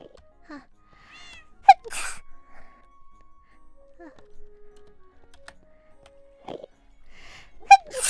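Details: A short, sharp sneeze from an adult woman during a livestream, heard over soft background music and electronic tones; she says "excuse me" afterward.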